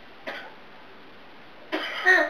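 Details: An African Grey parrot gives two short, rough cough-like bursts, imitating a person's cough rather than truly coughing.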